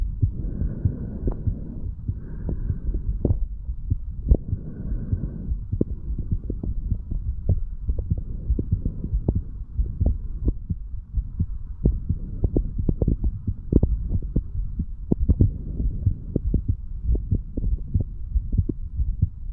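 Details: 35-year-old male, standing, recording his own heart through the mitral, tricuspid, pulmonary and aortic areas, then the right ventricle area: repeated low heartbeat thumps through a stethoscope with handling and rubbing noise as the chest piece moves; normal heart sounds.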